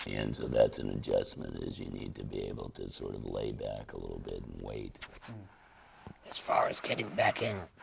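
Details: Laryngectomee who formerly used an electrolarynx and now speaks through a tracheoesophageal puncture; tracheoesophageal speech.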